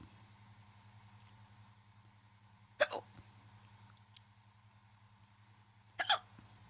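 Two sharp, abrupt hiccup sounds about three seconds apart over a low steady room hum; ordinary hiccups.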